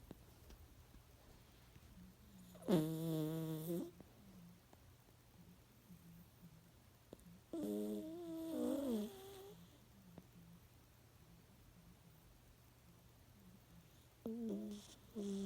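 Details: Sleeping dog snoring: irregular, drawn-out whistling snorts with a wavering tone, several seconds apart, over steady room hum.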